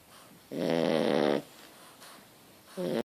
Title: More Snore